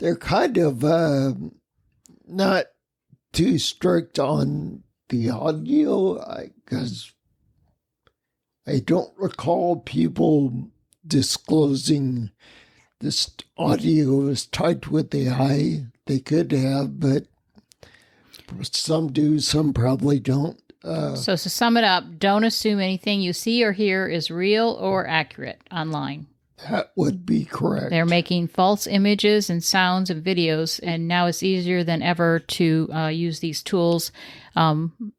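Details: Ataxic dysarthria in a man with the rare neuromuscular disease spinocerebellar ataxia, causing mobility challenges, a speech impediment and noise-induced anxiety, lived with for over 20 years.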